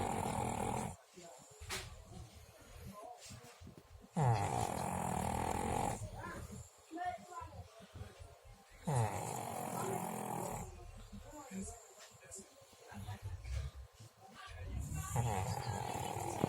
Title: Pug snoring